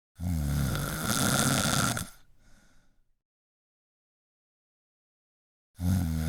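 Loud, rough snoring on the in-breath, then a long silent pause before the next snore.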